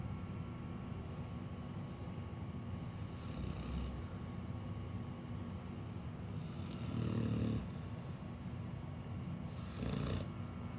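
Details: Soft, low snorting snores from a sleeping pit bull dog, partly masked by steady room noise; dog snoring.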